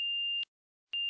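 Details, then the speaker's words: Compat enteral feeding pump dose-complete alarm: two steady high-pitched electronic beeps with a brief pause, sounding once the set formula dose is delivered, while the volume-delivered display and dose-complete visual alarm flash. "when the dose complete alarm is sounding the volume delivered display and the dose complete visual alarm will flash"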